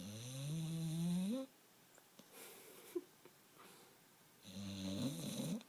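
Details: Pit bull sleeping: loud, deep rattling snores on inhalation with quiet pauses between, said to get worse as she sleeps; snoring.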